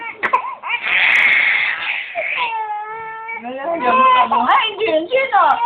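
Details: A 5-month-old baby cries in rising and falling wails with sobbing breaks and whimpers in a small room; infant crying.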